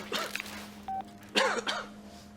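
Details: Movie scene from a Korean drama titled "Cold": two short voiced coughs over faint background music, a cold cough.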